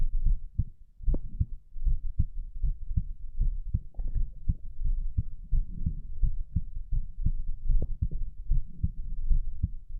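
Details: Steady low thumping heartbeat at a moderate rate, recorded during abdominal exercises (sit-ups); little exercise was done, so the rate is only modestly quickened. Normal heart sounds.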